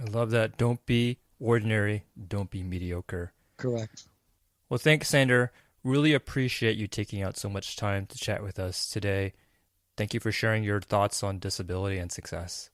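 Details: Adult male speakers, podcast conversation; ordinary speech.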